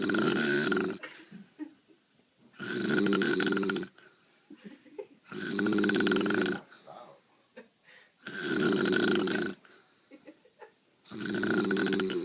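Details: Mother deeply asleep after starting a new job at a doctor's office, her snoring heard from upstairs; regular loud snores about every two and a half seconds, roughly 24 breaths a minute, with quiet gaps between; snoring.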